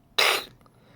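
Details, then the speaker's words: A single harsh, airy honk-like burst, a person's imitation of the kennel cough sound of an 8-to-12-week-old puppy, unlike a hiccup or sneeze. "that's a sound that puppies make it's not a hiccup it's not a sneeze that may be a sign that it's kennel cough"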